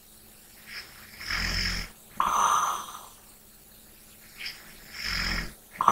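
Two rough, rattling snoring breaths with soft exhales between, over faint room hum.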